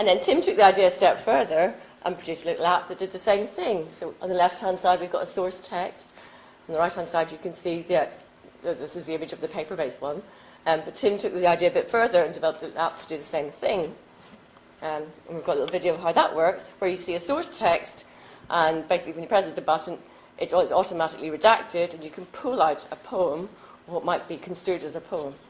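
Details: Adult woman speaking; normal speech.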